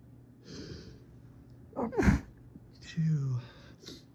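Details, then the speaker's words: Quiet breathing and a catch of breath, then a sharp sneeze burst and a voiced sigh, one of an evening run of fall-allergy sneezes, possibly from dead leaves after rain. "Oh, when my nose just starts taking over like that, it's so crazy."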